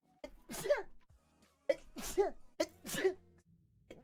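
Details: Compilation of a streamer's sneezes taken from game streams: three sharp sneezes, each an intake of breath followed by a forceful burst, with quiet gaps between them; sneezing.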